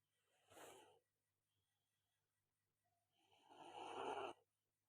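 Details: Two rough snoring breaths, one short and one longer rattling, in a calm room from a sweating, unwell person sleeping after a massage; snoring.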